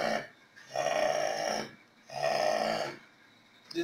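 Two long, rattling breath sounds with pauses between them, a snoring pattern at about 40 breaths a minute.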